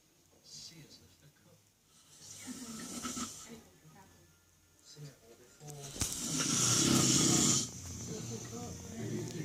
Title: Snoring dad